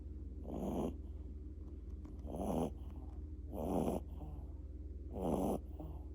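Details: Sleeping dog giving four regular rasping snores at about 40 breaths a minute over a steady low hum; snoring.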